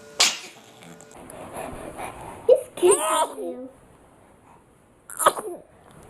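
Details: Baby's repeated short, sharp sneezes with light voice and room noise between; ordinary infant sneezing.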